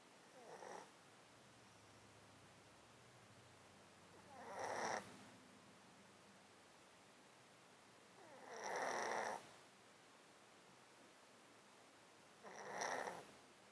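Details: Close-up mic recording of a cat sleeping in a box with a 13-year underlying disease that makes him snotty and sneezy: slow, snuffly, wet breaths about 15 a minute, congested snotty nasal breathing.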